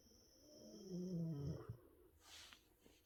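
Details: Low, droning snore ending in a short snort, then a soft breath; a sleeping puppy snoring.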